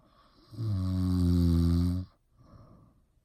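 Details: One loud, rumbling snore on the in-breath lasting about 1.5 seconds, followed by a quiet breath out.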